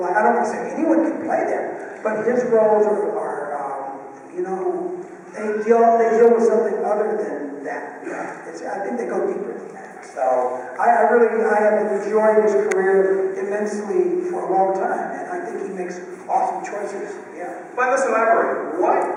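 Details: Adult male with one vocal cord bowed and one paralyzed after a childhood clothesline injury to the neck, present ever since; raspy voice with excess air escape; unilateral vocal fold paralysis (dysphonia).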